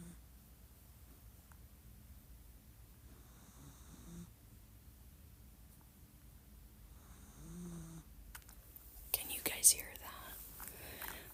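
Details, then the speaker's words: A Persian cat snoring: snoring. "that's my Persian her name is Netty she's snoring she's so so so sweet"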